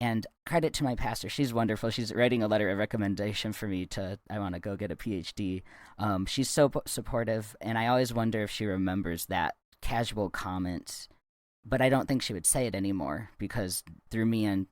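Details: Adult speaker; typical speech.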